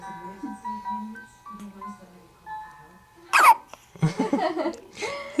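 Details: Three-day-old newborn with hiccups: a single sudden, sharp hiccup, with soft music and an adult talking in the background.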